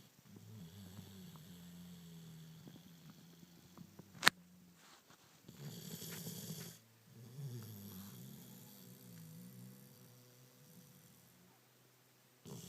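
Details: Person snoring: long, low, buzzing snores on slow breaths, with a sharp click partway through and quiet room noise.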